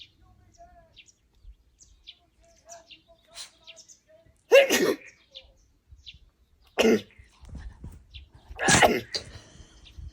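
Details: Basenji dog: three sharp, explosive nasal bursts a few seconds apart, with faint chirps in a quiet background; repeated sneezing.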